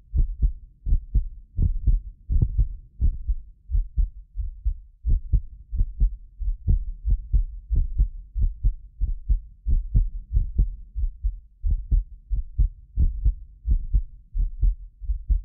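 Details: Heartbeat of a medically fit adult recorded with multiple precision contact microphones: steady low thumps at about 90 a minute; some doubled clicks from microphone delay. Normal heart sounds.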